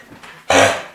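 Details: Lurcher dog with a cough caught at kennels, vet-checked and found fine: a single harsh, explosive cough burst in a small indoor room, consistent with kennel cough.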